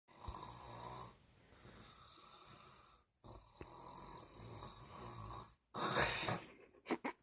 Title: Weird snores